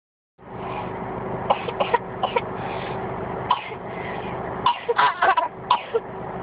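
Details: Baby boy making a put-on cough, parent says he is not really coughing: short, light, repeated coughs and throat-clearing sounds over steady background noise.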